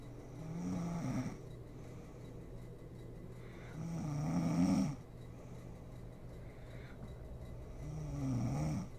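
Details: Mother sleeping and snoring: slow, low rumbling snores on each breath in, about 16 a minute, with quiet breathing out between; ordinary sleep snoring.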